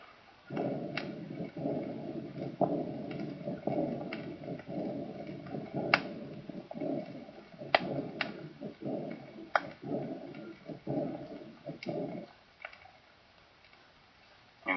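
Harsh to-and-fro murmurs fill most of each cycle, with a short pause between the systolic and diastolic parts: combined aortic stenosis and insufficiency.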